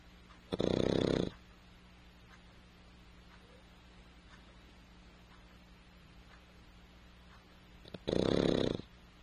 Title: Snore dog